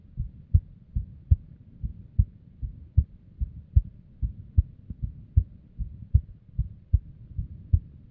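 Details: Female unstable resting heartbeat: soft low thumps about 76 a minute, uneven spacing and varying strength; abnormal beats, irregular heartbeat.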